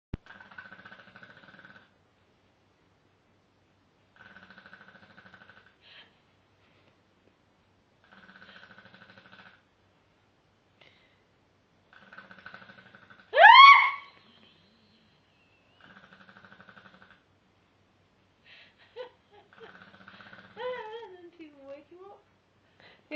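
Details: Regular buzzy snoring on each breath, about 15 a minute, with a brief squeak and warbling sounds: snoring.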